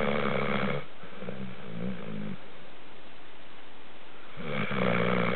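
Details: A pet dog snoring: two loud, low, rattling snores separated by a quiet exhale. Ordinary snoring.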